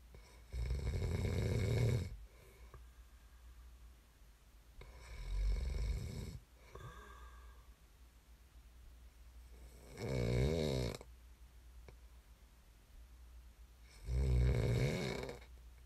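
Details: Four loud, rough snores in about sixteen seconds, each a low rattling rumble on the in-breath with quiet gaps between; snoring during sleep, from an ASMR snoring recording.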